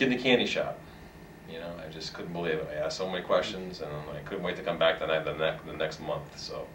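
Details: Adult man who has stuttered lifelong and is a long-time member of a stuttering support association: stuttering with repetitions and part-word repetitions.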